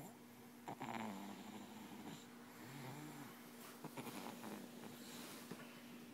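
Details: Soft, rhythmic nasal snoring with low rumbling on each breath over a steady room hum; ordinary snoring during sleep.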